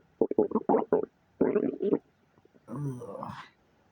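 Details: Person's own gut recorded while sitting up during a digestive cleanse: rapid bubbling gurgles, a pause, then a longer rising squeaky rumble; unsure whether stool or gas bubbles moving; loud bowel sounds (borborygmi).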